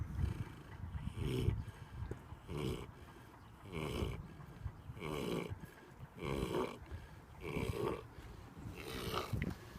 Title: Happy pig, snoring! 😃